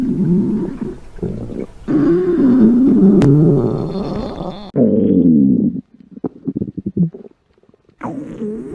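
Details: Hungry woman's stomach growling: loud, long rumbling and gurgling growls with wavering pitch, then a burst of short bubbling pops; normal hunger borborygmi.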